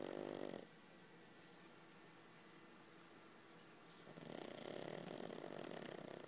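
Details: Pug snoring loudly in sleep before being woken: loud, rattling snores separated by a quiet pause.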